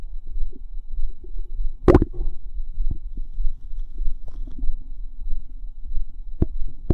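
Low gurgles and bubbling squelches from the belly with a few sharper pops: ordinary bowel sounds.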